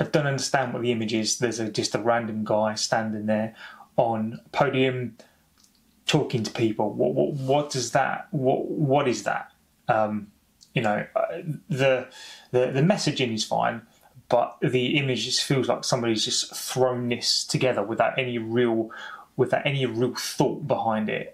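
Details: Adult man who has stammered for over 30 years, speaking spontaneously: stuttering.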